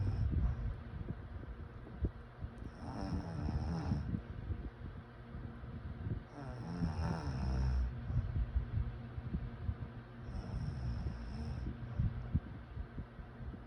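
Three soft, rough breathing snores about every four seconds under heavy rumbling background noise.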